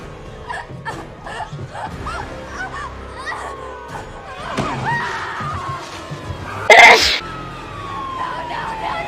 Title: A Screaming Sneeze! #loudsneeze #sneeze #sneezing #studioneese #funnyvideo